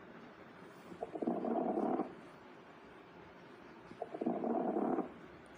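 Two breaths through a stethoscope, each with brief, fine crackling toward the end of breathing in, and a voice starting at the end: fine crackles.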